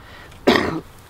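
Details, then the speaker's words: Adult recovering from a sore throat with low-grade fever and mild head congestion, now almost gone: a single short, rough cough or throat-clear. "sounds really nasty. Cough a little bit. A little bit of head congestion, not much, but it's almost completely gone."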